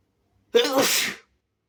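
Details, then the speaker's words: Deliberately induced single sneeze from a sick person with a sensitive nose: forceful wet sneeze with sharp onset and hissing spray, under a second, amid nose blowing and coughing. "I'm sick, but I don't used to sneeze naturally, so I have to induce. Hope you don't mind."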